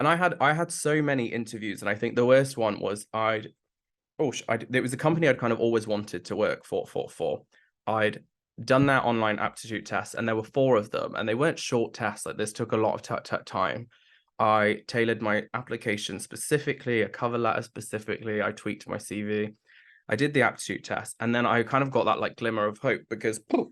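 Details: Adult man with Tourette syndrome, the less socially accepted form, onset in his mid-20s after brain damage; complex tics worsen with nervousness or emotion; has a stammer that was worse in the past; stammer with Tourette syndrome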